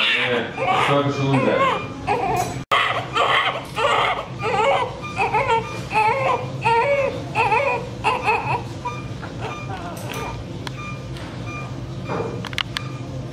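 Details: Newborn baby's first cry immediately after birth: strong, repeated high-pitched crying in short bursts, about eighty a minute, fading toward the end; healthy newborn cry.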